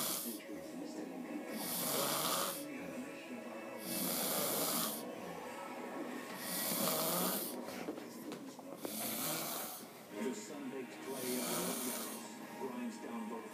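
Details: Man snoring after a long night out: loud, harsh, rattling snores at about 25 breaths a minute during sleep, with faint background sound.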